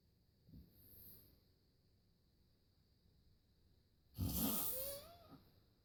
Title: YOU HAVE NEVER HEARD SNORING LIKE THIS OMG .